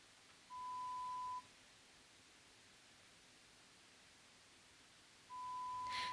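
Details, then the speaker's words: Pure tone audiometry with foam insert earphones, patient pressing a response button, hearing complaint of about 6 months to a year: two steady pure beeps about a second long, separated by quiet, in a silent room. The audio is edited for ASMR. "The client responds to the sounds they hear, usually by pushing a response button."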